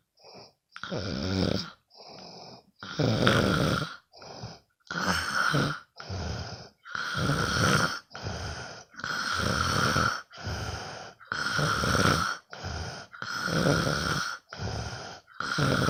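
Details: Loud, rattling snores with each breath in and out, about 15 breath cycles a minute, in a quiet room, recorded from a sleeping friend; ordinary snoring during sleep.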